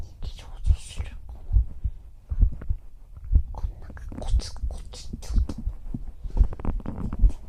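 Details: Soft low thumps at about 70 per minute under close whispering, in an ASMR sleep roleplay of a heartbeat heard against the chest; normal heart sounds.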